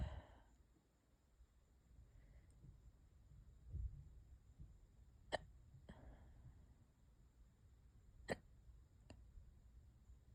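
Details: Persistent hiccups lasting hours and getting worse: sharp, brief hiccup clicks recurring every few seconds against quiet room noise.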